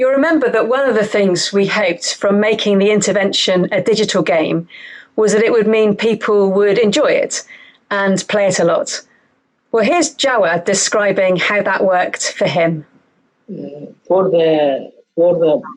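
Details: Adult female speaker; no disorder.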